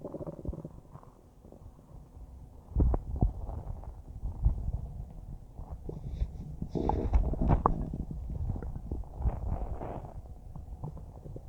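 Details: Normal bowel sounds recorded about a minute after eating a huge bowl of spaghetti: low, irregular gurgles and churning rumbles of ordinary digestion.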